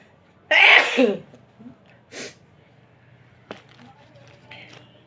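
One forceful sneeze, then a short sharp sniff and faint breathing in a quiet room; a deliberately induced sneeze.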